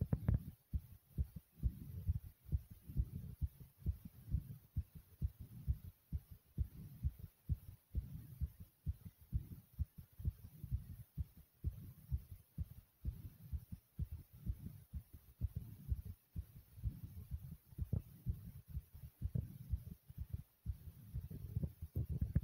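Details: Own racing heartbeat: a steady run of deep, quick thumps that is super fast at first, then slows down to a normal pace; rapid heartbeat.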